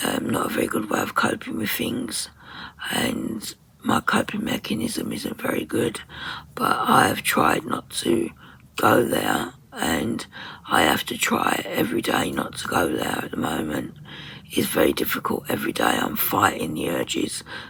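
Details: Woman with muscle tension dysphonia: very tight, stressed muscles around the vocal cords, also affecting swallowing; attends speech therapy; at times unable to speak.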